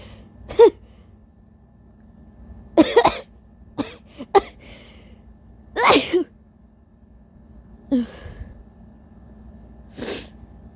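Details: Big, uncovered, tissue-induced sneezes from a tired person whose allergies have bothered them all day: several loud sneezes, some with breathy catching buildups, over a steady low room hum; repeated sneezing.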